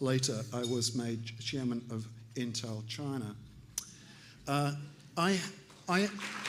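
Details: Aphasia in an adult male stroke survivor about three years after the stroke, still relearning to speak; aphasia.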